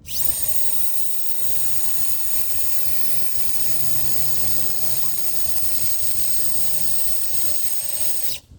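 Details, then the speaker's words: Orthopedic training on a plastic bone model: cannulated surgical power drill run forward over a wire, steady high-pitched motor whine for about eight seconds while reaming an entry hole; surgical power drill. "Just run it back, run it while you're going forwards, and just pull it out."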